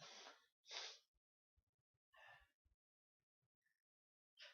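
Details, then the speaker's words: Person alone having a sneezing fit: three forceful sneezes in quick succession with quiet breaths between. "Oh, goodness me, thank God I'm alone. Feel another one coming. See? Any more? Yep."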